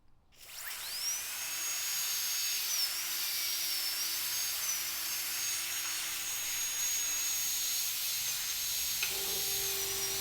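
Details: Steady high-pitched whine of a dental drill with a diamond bur smoothing bone edges around the extraction site on a surgical extraction simulator; simulated dental extraction.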